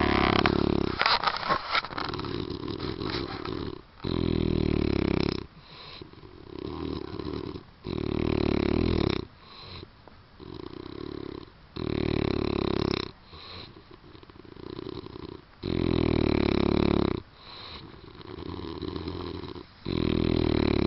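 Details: A man snores loudly after driving a long distance and drinking alcohol. Rough, rattling snores come on each in-breath, about four in twenty seconds, with quieter out-breaths between them.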